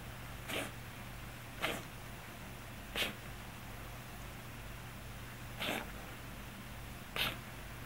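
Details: Scottish Fold cat with hypertrophic cardiomyopathy: five brief, sharp, hiccup-like coughs at irregular intervals, a cough that began after the diagnosis and has recently become frequent, sometimes louder.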